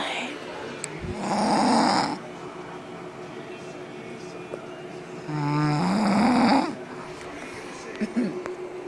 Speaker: This is my mom sleeping. She doesn't think she snores. Listen to her. It gets louder throughout the night.